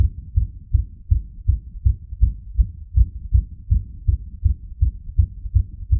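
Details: Self-recorded fast heartbeat after putting pressure on the heart using gravity: rapid, regular low thumps at roughly 150–160 beats a minute.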